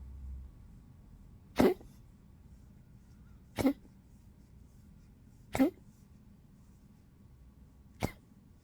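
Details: Four short, dry cough bursts a few seconds apart in a quiet room from a 15-year-old Poodle, weak, sleeping a lot and eating little in cold 12°C weather; dog cough.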